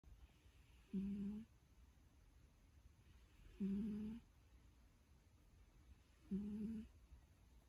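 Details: Snoring while dreaming: soft, regular humming snores, about 22 a minute, each a brief low tonal buzz with quiet gaps between.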